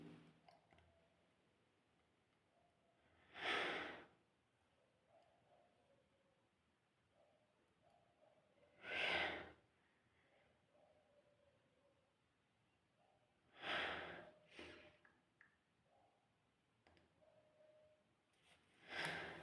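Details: Strong sneezing: four sharp, forceful bursts of air spaced several seconds apart in a quiet room, each a sneeze or snort-like expulsion.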